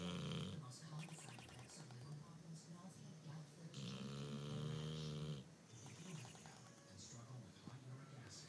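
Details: Dog in mid-sleep making her usual noises: a steady low rumbling snore on each breath, with a louder drawn-out snort in the middle and faint noise around it.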